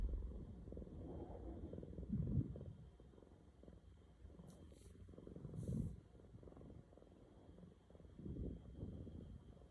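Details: Sleeping roommate snoring loudly: a soft, low, rumbling snore with each breath, about 18 breaths a minute, in a quiet room.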